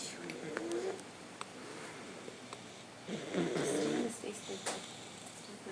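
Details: Boy napping after a bath: two rough, rattling snoring breaths a few seconds apart over steady room noise; ordinary snoring during sleep.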